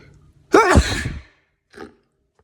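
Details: A single voiced adult sneeze with a rising, wavering build-up, a forceful burst, then a brief breath; the sneezer attributes it to pollen.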